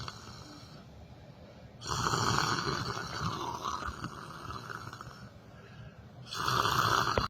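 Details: Harsh, rattling breaths in long bursts separated by quieter breathing; typical loud snoring from someone asleep sitting on a chair during yoga meditation.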